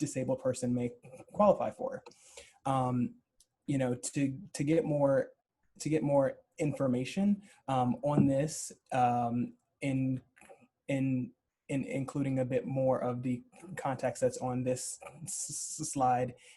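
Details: Adult man who identifies as a person who stutters, speaking as a webinar panelist, with word and sound repetitions; stuttering.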